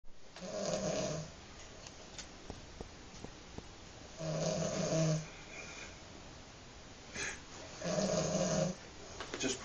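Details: Three loud, rattling snores on breaths in, about every three seconds, with quieter breathing between: typical snoring.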